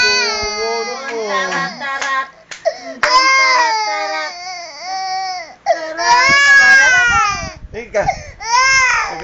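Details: Infant crying in long, high-pitched wails with brief catches of breath between them.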